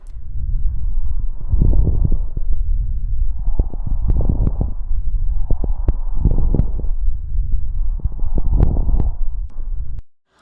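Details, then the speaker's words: Coarse crackles during a chest physical-exam demonstration: low, bubbling popping sounds through each of four breaths, like small bubbles bursting. "o som é semelhante ao rompimento de pequenas bolhas podem ser audíveis na doença pulmonar obstrutiva crônica e em bronquiectasias"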